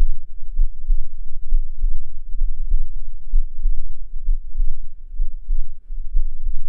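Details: Heart sounds recorded with a binaural microphone: steady, regular paired heart thumps at about 65 beats a minute over a low rumbling hum; normal heart sounds.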